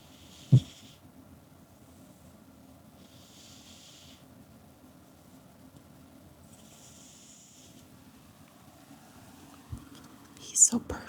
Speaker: Oh my god, he's snoring.